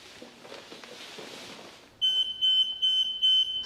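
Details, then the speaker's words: Room noise, then loud repeating high-pitched electronic beeps in short bursts from a Centrella Smart+ hospital bed exit alarm, triggered as the patient changes position or moves toward the edge during a staff training demonstration. "when your patient changes positions in the bed your bed exit alarm will go off you will then as a caregiver come into the room and silence the bed exit alarm by pushing the silence button"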